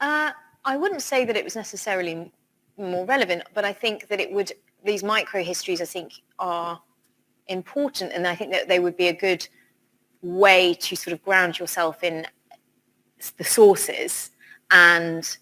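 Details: Adult woman speaking; normal voice.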